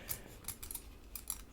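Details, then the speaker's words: Simulated dental scaler scraping in an ASMR dental check-up roleplay: light metallic scratching and clicking strokes over soft hiss while removing stubborn plaque in the third quadrant. "okay so we've got a bit of stubborn plaque buildup in our third quadrant there we'll just work on that one"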